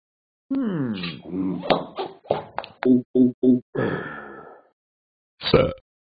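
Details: Person burping: a rapid run of short, low, voiced gulping throat bursts, then one more after a pause; a series of burps.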